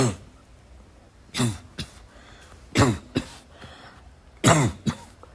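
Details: Three bouts of harsh coughs, each followed by a shorter throat clear, in a quiet room during a persistent coughing fit; the person says they can't stop coughing.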